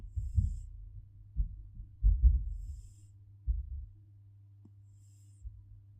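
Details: Cat snoring while asleep, described as sounding like human snoring.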